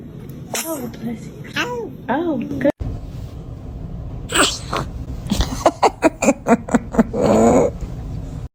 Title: Baby sneezing #funny #funnybaby #baby #cutebaby